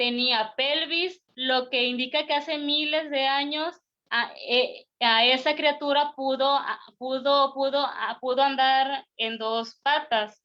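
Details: Stuttering in an Argentine man, first-time participant in a stuttering presentation-practice group, giving a deliberately unprepared talk because he is having problems with his spontaneous speech.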